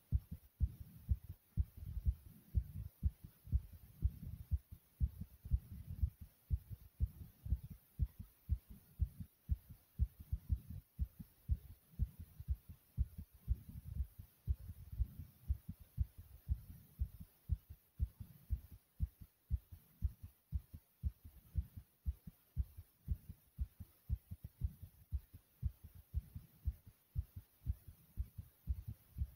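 Strong, regular low thumping heartbeat, each beat a deep, forceful thud, consistent with a pounding heart.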